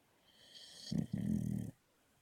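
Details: Female Luca snoring: a single low, rattling snore on an in-breath in a quiet room; she does much louder snores too.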